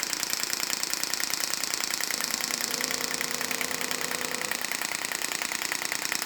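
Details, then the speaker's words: Steady rapid tapping at about 200 pulses per minute from a physiotherapy shockwave therapy head moved over a tender area on the skin during a demonstration treatment. "then we take the head of the shock wave just onto the skin and we're moving that around now you will hear a machine just get a little bit lighter as we turn it on here"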